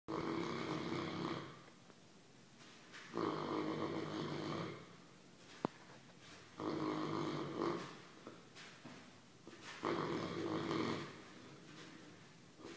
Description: English Mastiff running and snoring as he sleeps.